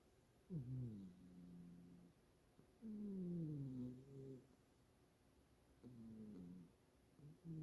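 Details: Male Siberian cat, not overweight or sick, sleeping soundly in a particular position: soft, rhythmic, slightly squeaky sleep breaths; harmless loud snoring.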